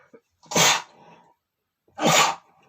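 Two forceful sneezes, each with a brief inward breath before the burst; ordinary sneezing.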